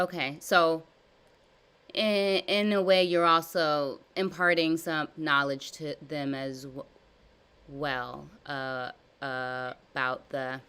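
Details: Adult woman with severe stuttering blocks since childhood, in a live stuttering therapy session practicing voluntary stuttering, prolongations and cancellations; stuttering.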